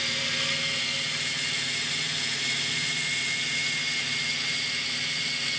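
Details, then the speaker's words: Vintage Emesco 90N dental drill running: a steady, high-pitched whirring motor whine throughout. "Here is an Emesco vintage dental drill."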